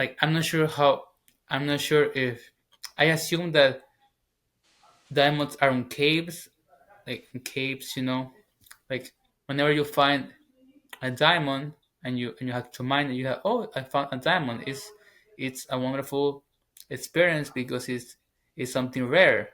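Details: 21-year-old man, English as second language, former covert stutterer now stuttering openly. Finding: stuttering.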